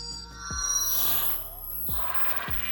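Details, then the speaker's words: Acoustic feedback whistle demonstrated with a smartphone's built-in sound amplifier and a connected speaker, the microphone held close to the speaker; the feedback grows stronger as gain increases, as with hearing aids. "Кроме того, чем больше мы увеличиваем коэффициент усиления, тем сильнее обратная связь."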